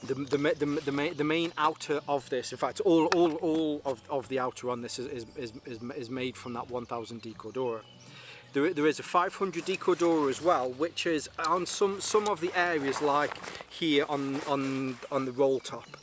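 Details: Stuttering in an adult whose stammer is linked to his anxiety and still present a little; he says it was much worse on the first day of filming.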